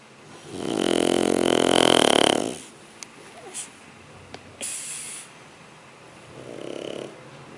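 One long, loud, buzzing snore, then a softer one, with faint snorts between; ordinary snoring in a sleeping animal.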